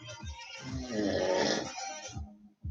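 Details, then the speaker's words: Snoring from an adult man asleep in the background, heard during a spoken chat. "And Jessica, can you hear that? My hubby is snoring. He was doing this the other night."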